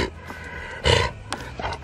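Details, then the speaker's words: Kennel cough in Samson, a dog who won't eat and stands in one position; another household dog (Murphy) also has it. One short, harsh, honking cough burst against quiet room noise. "it's okay so now samson has kennel cough i'll call the vet first thing in the morning and see if we can get him a prescription too"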